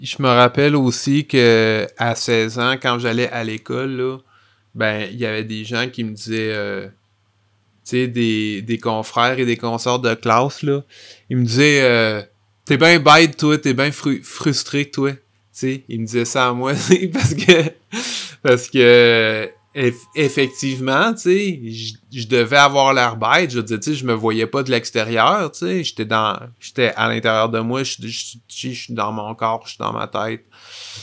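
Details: Stuttering in an adult French-speaking man; real, developmental stuttering.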